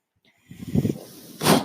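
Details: A soft low rush of air rises, holds briefly, then ends in a sharp hissing puff: one breathing cycle of the speaker's own mechanical ventilator, which he points out while talking in a podcast recording.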